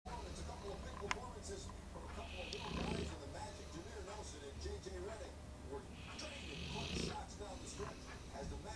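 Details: Snoring in a 2-year-old Bullmastiff napping after a Christmas meal of a lot of turkey: two slow, low rattling snores over about nine seconds, with room hum.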